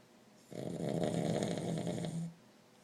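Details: A pug dog napping and snoring: one long, rough, rattling breath noise lasting about two seconds.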